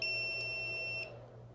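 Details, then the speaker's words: VirtuClean CPAP cleaning device switched off by press-and-hold after a completed cleaning cycle: steady high electronic beep lasting about a second over a low hum, then stops. "so we're gonna pretend we just came home it's done I'm gonna press and hold it turn it off"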